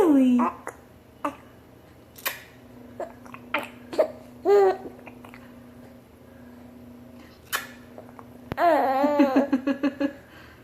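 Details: Young child babbling and giggling, with brief sharp hiccup catches breaking in between the sounds; ordinary hiccups with giggles.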